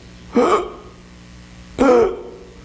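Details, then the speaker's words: Agonal breathing imitated by an instructor during a hands-only CPR and AED refresher: two isolated, abrupt gasping breaths with long pauses, which is not normal breathing and, with no pulse, calls for CPR. "If there is no pulse or nor no normal breathing called just regular breathing, right? The kind of breathing agonal type of breathing which is like"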